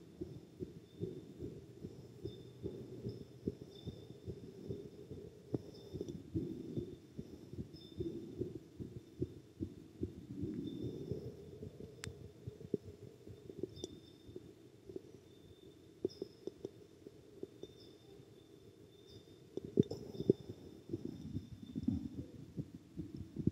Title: Boy Exercise Heartbeat